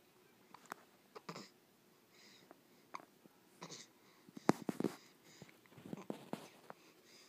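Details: Baby in a quiet room with a series of short, abrupt catching sounds at irregular intervals; hiccups.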